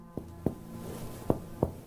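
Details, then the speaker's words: Finger-on-finger chest percussion, four hollow taps with a slight left-right difference in tone; normal resonant percussion note. "Your wrist must be loose, and if you get all these things going, you will have a nice percussion stroke that will serve you very well."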